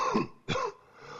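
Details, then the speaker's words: Two short, harsh cough bursts with a throaty, rattling sputum sound: productive wet cough, described as typical of pneumonia with copious yellow sputum and fever. "폐렴의 경우는 가래가 많고 누런 가래가 있고 열이 있으면서 기침할 때 가래 소리가 좀 많이 동반되는 것이 특징인데요."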